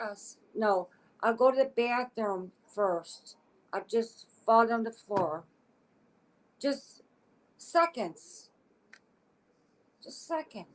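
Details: Adult woman with aphasia as a deficit of a stroke in August 2014 at age 52; aphasia.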